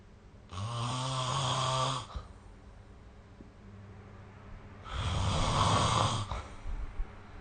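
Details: Snoring recorded with the SnoreLab phone app: two loud, low rumbling snores on breathing in, separated by a quiet pause; ordinary snoring.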